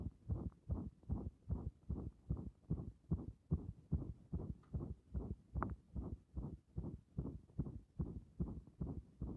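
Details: Heart sounds via stethoscope pressed directly and firmly on the chest: strong, regular low beats, about 146 sounds a minute, likely paired beats near 73 per minute.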